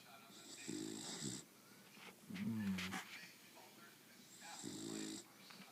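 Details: Animal snoring: rough, buzzing breaths repeating in a slow rhythm, with a soft whistle between them.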